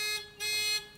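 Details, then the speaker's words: Two bursts of a high electronic buzzing tone from a Weinmann Medumat Standard A emergency ventilator, its stenosis alarm sounding as expected during a pressure-level check. "also hearing the stenosis alarm which needs to be there"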